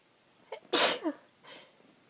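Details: Cold-weather sneeze from a female: a short intake, one sharp sneeze, then a faint sniffle.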